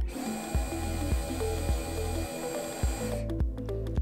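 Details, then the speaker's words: Low, droning power-tool whir in short pulses as a De Soutter orthodrive MBQ large-bone handpiece in high-speed drilling mode runs a reaming handle attached via the Hudson collar, over background music. "you can now take the tool off safe mode and place it into high speed drilling mode you then depress the trigger to run the reaming handle"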